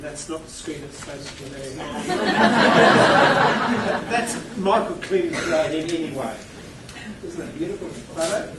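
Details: Stuttering in an adult male keynote speaker who states he has a stutter.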